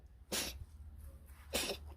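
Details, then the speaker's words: Two short, harsh, dry coughs from a cat about a second apart over a low hum; cat recently eating a lot with a strange new cough, owner suspects worms or eating mice. "кашляет Я знаю что так моего деда коты делали говорил что это мышей ловит"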